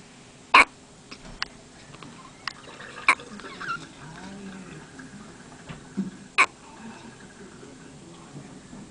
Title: Hiccups 4